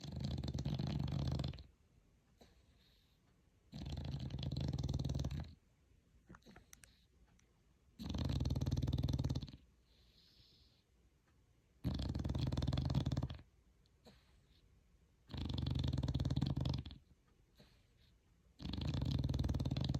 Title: My cutie snoring dog #ytshort #shortsviral #ytshortsvideo #dogs #dog #viral